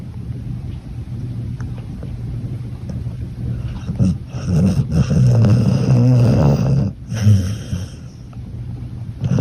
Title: My Dog GOLUUU Is SNORING 👻👻👻 #snoring #snoringasmr #dog #lazydog #shorts #chandanvlogss1